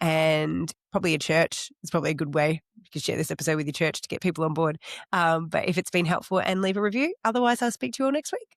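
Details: Adult speaker; normal speech.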